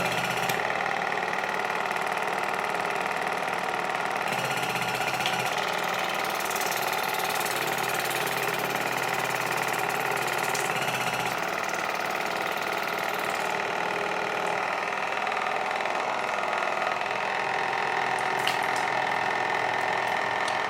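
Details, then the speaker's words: Steady buzzing motor with a fast rattling pulse and spraying water: a Waterpik WP-100 Ultra dental water flosser (irrigator) in use cleaning between teeth and gum pockets, device vibrating slightly. "przy okazji znakomite masowanie dziąseł urządzenie trochę wibruje Ale to w sumie na razie mi nie przeszkadza"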